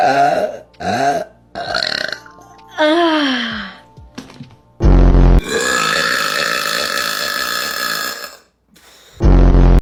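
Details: Girls burping in a TikTok compilation: several loud, long burps with a deep rumbling tone, separated by short gaps, with music in the background; ordinary belching.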